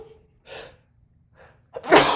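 Two quick breaths in, then a loud, sharp burst of air out: a single adult sneeze, with its typical build-up of inhalations before the explosive release.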